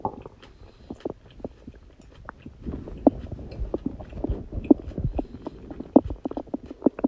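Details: Borborygmi: a birthday stomach growling after eating cake, with background music.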